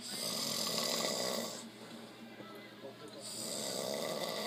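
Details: Person snoring asleep after a long hard day of working: loud, raspy snoring with a noisy inhaled rattle and a quieter pause between breaths; ordinary snoring.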